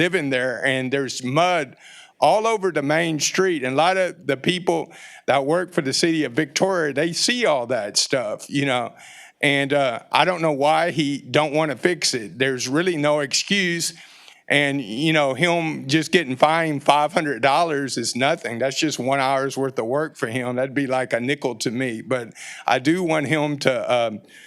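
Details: Adult man speaking; Normal speech.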